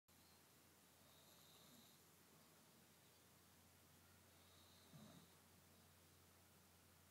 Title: daddy snoring, baby sleeping